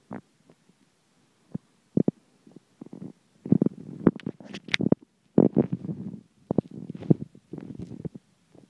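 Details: Stomach rumbling while the tummy is being rubbed: irregular bubbling and gurgling rumbles from the belly, some long and rolling; ordinary bowel sounds.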